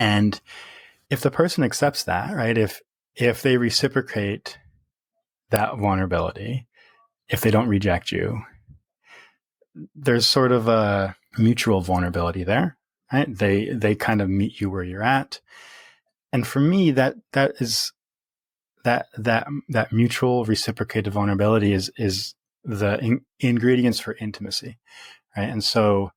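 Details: Real stuttering in an adult man who has stuttered since early childhood, worsening through adolescence; now reports speech as fairly easy after embracing his stutter; repetitions audible.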